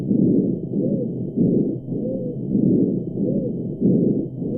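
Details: Dog with abnormal breath sounds: loud, harsh breathing with a short whistling wheeze in each cycle, about 45 breaths per minute.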